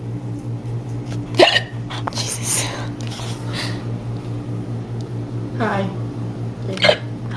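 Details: Hiccups: two or three abrupt, voiced hiccup sounds amid brief talk over steady room hum.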